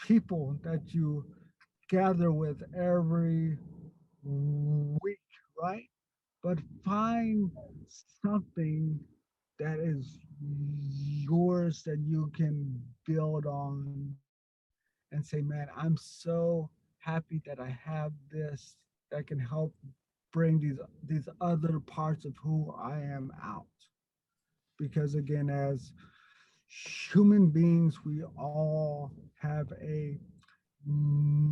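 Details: Stuttering in an adult man who stutters.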